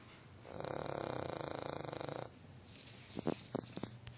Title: Snoring Dog